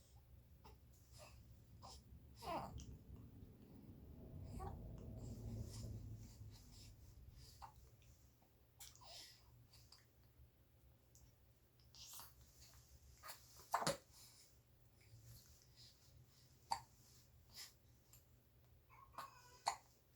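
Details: 67-day-old happy infant with hiccups.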